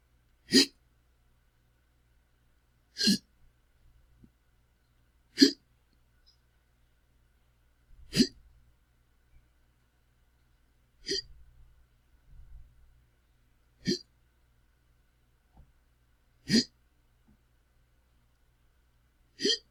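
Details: Eight sharp, abrupt hiccups from a man at a steady pace of about 22 a minute in a quiet room; presented as a hiccup sound effect: hiccups (singultus).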